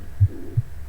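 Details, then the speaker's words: Mitral regurgitation: soft blowing systolic murmur heard immediately after the first heart sound, an atrioventricular valve insufficiency with blood flowing back into the atrium. "escucho el primer ruido y escucho el soplo enseguida. Al escuchar el soplo enseguida, entonces es un daño de la válvula auriculoventricular, que es insuficiencia porque es enseguida."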